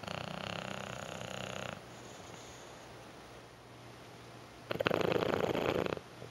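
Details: Roy, who sleeps about 18 hours a day, asleep: two rough, noisy breathing bursts separated by a quiet pause; snoring.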